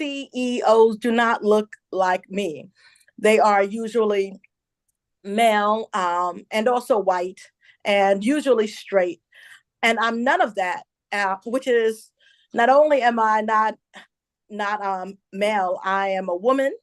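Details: Adult woman, a self-described stutterer who says listeners will hear her stumble on some words; stuttering.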